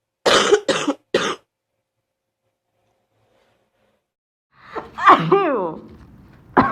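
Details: Student ill with fever 39.2°C, congestion, very sore throat, starting to cough up mucus: three quick dry coughs, a pause, then a voiced throaty wavering cough-like sound: short coughing bout.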